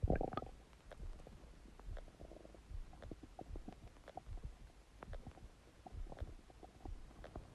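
Loud, irregular gurgling and bubbling rumbles from the abdomen: bowel sounds (borborygmi), ordinary gut movement of gas and fluid.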